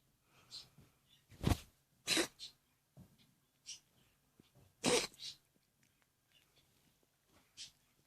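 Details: Two short sharp sneezes among soft sniffs and snuffles in a quiet room; the sound's source is unknown, possibly a cat.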